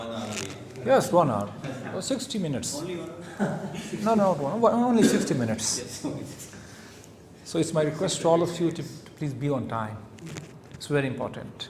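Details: Adult man who stammers and still has speaking difficulty and nervousness after three years of public-speaking practice; stuttering.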